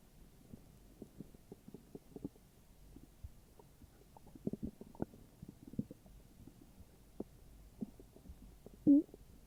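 Soft scattered gurgles and pops with a brief louder gurgle near the end; ordinary bowel sounds of stomach growling.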